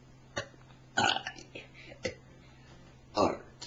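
Several short, throaty burps in a quiet room, ordinary belching.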